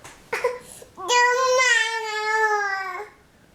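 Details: A nursing toddler who has hiccups asks for milk, fusses briefly, then gives one long, clear wail lasting about two seconds; an ordinary cry.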